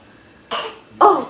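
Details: 9-month-old baby being goofy: two short, forced cough-like bursts, the second louder; a deliberate playful fake cough, not an illness cough.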